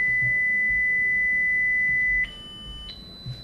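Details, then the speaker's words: Pure-tone audiometry test tones during bone-conduction testing with a vibrator: a steady, loud whistle-like tone, then a softer, higher tone. "Ya cambia de frecuencia, digamos que lo pone en 500 y le pide al paciente que levante la mano cuando lo escuche."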